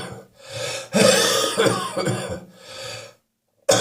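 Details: Wet, wheezy, chesty productive cough during a spring cold: several harsh, rattly, phlegmy coughs in quick bursts with some wheeze on the chest in the morning.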